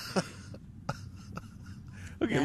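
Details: Three sharp, gasping vocal bursts at irregular intervals, then a louder, longer gasp in a quiet room; loud, dramatic hiccups in an adult woman.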